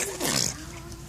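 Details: Child sneezing when asked by a parent: a single sharp, hissing burst of air with a short trailing voiced sound, one sneeze among repeated sneezes.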